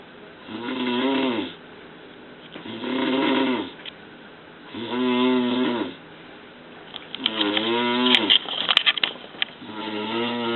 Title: Snoring Disaster in Ruwais